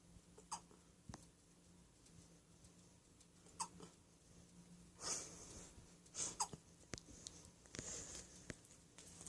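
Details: Hiccups from a small pet in a quiet room: quiet, brief hiccup bursts, each with a tiny high squeak.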